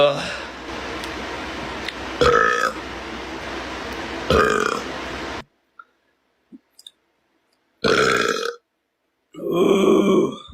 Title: Boy Gamer Burps